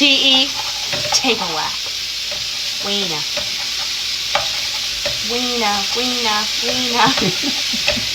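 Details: Tourette syndrome with vocal tics, including repeated words and coprolalia (obscene vocal tics and exclamations), heard during everyday home activity.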